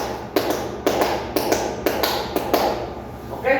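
Light paired taps imitating a lub-dub heartbeat at about 120 beats a minute, soft but fast, showing increased heart rate without stronger contraction.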